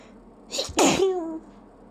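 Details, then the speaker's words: Person with hay fever trying and failing not to sneeze: a short inhaled catch then one loud, explosive sneeze trailing into a brief voiced tail, allergic sneezing. "I still have to sneeze. Believe it or not, this is me trying not to sneeze. Wow. Guess I really have to sneeze today."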